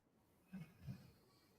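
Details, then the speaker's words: Loud, low rumbling snores from Trike, an animal sleeping in a quiet room; snoring. "trike is snoring loud boy he's snoring Loud"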